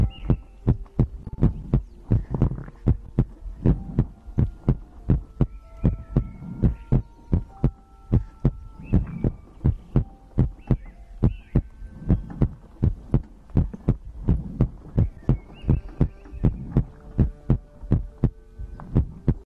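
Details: ASMR recording of a heartbeat with breathing, from a livestream compilation: regular heartbeat at about 82 beats a minute with faint tones and clicks in the background; normal heartbeat.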